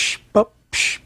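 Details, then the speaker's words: Lecturer's vocal imitation of an aortic stenosis systolic murmur: the murmur starts immediately with valve opening, obscuring the first sound; heard as a hissing rush, a short voiced thump, then another rush. "what you may hear for example in aortic stenosis a tight aortic valve is BU bup the first sound will be obscured by the murmur which starts immediately with the opening"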